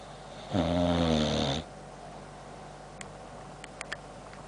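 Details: Boxer dog named Sam sleeping: one loud, buzzing snore, then faint clicking of the jaws and jowls.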